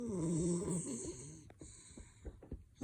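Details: French Bulldog sleeping with eyes partly open, whites showing, snoring: a loud, rough snoring breath, then quieter snuffling sounds.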